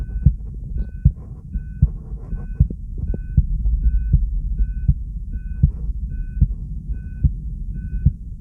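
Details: Steady, regular heartbeat at about 76 beats a minute with faint electronic ECG beeping in the background, recorded from subject b1: normal heart sounds.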